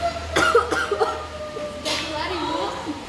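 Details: Nursing student's practical demonstration of an effective-cough exercise on a patient, meant to help expel sputum and ease breathing. Several short forceful cough bursts, then a breathy huff: effective (controlled) cough.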